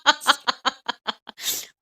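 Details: Phone call between a Gyeongsang father in his 60s and his daughter: a run of short voiced catches builds to one forceful, hissing sneeze, followed by nose-blowing; sneeze.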